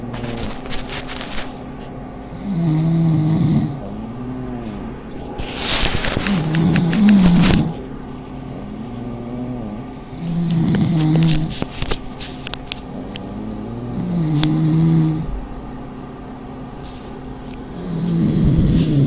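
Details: Pugs in a snoring contest: loud, rattling, low snores repeat about 16 times a minute, with some handling noise.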